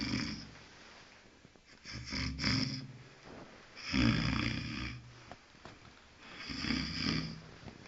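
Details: Guard dog asleep at night: rough, rattling snores rising and falling with slow sleeping breaths, three cycles in about eight seconds; snoring in a dog.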